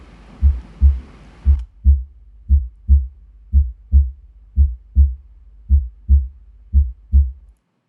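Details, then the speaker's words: Normal heart sounds played as a teaching example: clean, regular lub-dub at about 58 beats a minute with no extra sounds or murmur. "तो normal heart sound पहले सुनेंगे, फिर मैं आपको sound दोबारा सुनाऊँगा।"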